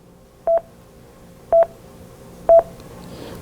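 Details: Cardiac monitor QRS beeps in sinus rhythm, lead II, on a portable prehospital emergency monitor with synchronized cardioversion mode enabled, marking each QRS apex.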